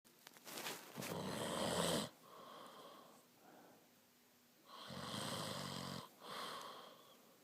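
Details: Snoring.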